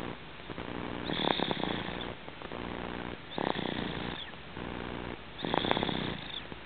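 Rhythmic rattling snores with a soft whistle on each breath, about three breaths in seven seconds, roughly 27 a minute; snoring in a sleeping cat.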